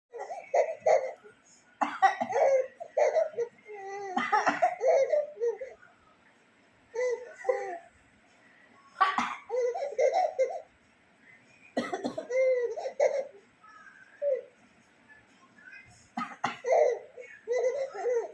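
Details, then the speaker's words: Grandmother coughs several short, sharp times, and after each a young child bursts into laughter in a small room. Adult cough with a child laughing. "దగ్గు వచ్చింది, దగ్గు వచ్చేసింది, గట్టిగా దగ్గు వచ్చేసింది, దగ్గు వచ్చేసింది, నీకు దగ్గొచ్చింది, నాకు నవ్వొచ్చింది."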